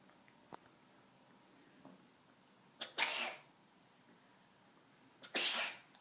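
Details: Cat coughing at 11:20 pm, two short, harsh, airy bursts each preceded by a brief catch in a quiet room, no meowing: cat cough.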